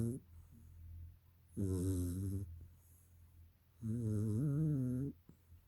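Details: Dog snoring during a nap: two buzzing, tonal snores about two seconds apart, with quiet breathing between them.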